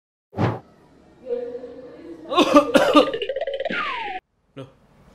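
A single short, forceful cough, followed by lively talk and a sound effect, acted for an advertisement.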